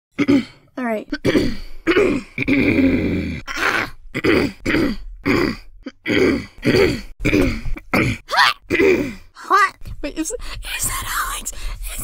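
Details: Adult voice actor's repeated bursts of coughing and throat clearing, roughly a dozen episodes in quick succession.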